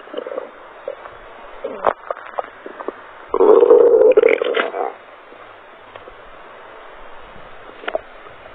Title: Stomach Sounds, Stomach Growling | Noisy Stomach Sound | 2022-03-15